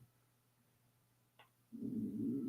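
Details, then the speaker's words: A fasting adult's stomach growling, picked up by a microphone near the stomach: after a faint click, a loud, low, sustained gurgling rumble from an empty stomach. "My stomach just told everybody that I was fasting. That was my stomach growling."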